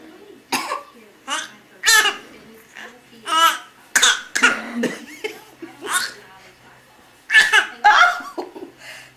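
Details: Several people cough in a series of short, sharp bursts mixed with laughter, coughing contagiously; cough.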